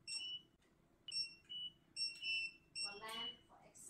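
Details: Several short high-pitched electronic beeps from the curing light of a TAOS1800c dental chair central clinic unit, with a brief burst of room noise near the end; dental curing light beep.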